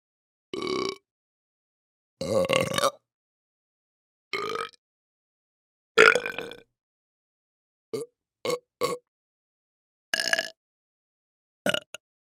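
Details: Human burp and belch sound-effect recording: eight separate voiced, rumbling burps of varying length over about twelve seconds.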